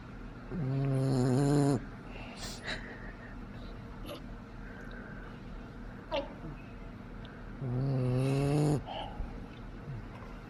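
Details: Snoring in a 10-week-old boxer puppy asleep, exhausted after a play date: two loud, buzzing snores about seven seconds apart with quiet breathing between.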